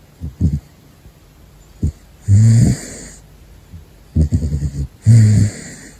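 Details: Caracal snoring while asleep: loud, low rumbling snores with snorting, fluttering bursts between breaths, roughly twenty breaths a minute.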